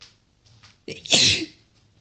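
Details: Sneeze: a quick indrawn breath, then one sharp, hissing sneeze.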